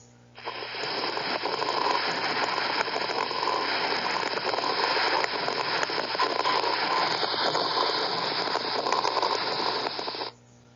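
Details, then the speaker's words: Lung auscultation where tubular breath sound replaces vesicular murmur: continuous hissing breath noise with many fine, rapid popping clicks; crackles (crepitations). "Y también vamos a encontrar ruidos agregados, como los crépitos o las crepitaciones. ¿Cómo se escuchan estos crépitos?"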